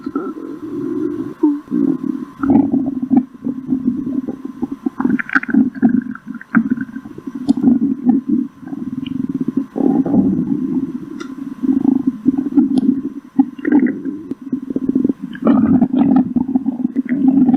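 Continuous low gurgling and rumbling from the abdomen: ordinary stomach growling, a normal digestive sound.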